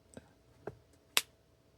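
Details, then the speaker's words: Simulated audible release on a life-size L4-L5 spinal manipulation model: three sharp clicks as rotational force gaps the facet joint via a simulated synovial fold, repeatable with no refractory period, demonstrating joint cracking. "Here's a spinal manipulation model crafted to help in the education of joint gapping as an audible release is elicited upon rotational forces."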